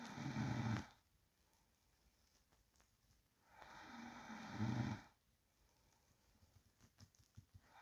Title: Real sound of sleeping person breathing and low snoring. Listen carefully and volume up.